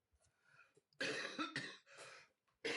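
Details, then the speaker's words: Adult woman with a lingering, improving cough gives a few throaty, harsh cough bursts with throat clearing, preceded by quiet breathy sounds; cough. "excuse me I still have the occasional cough but I'm sure we'll hear it's much better"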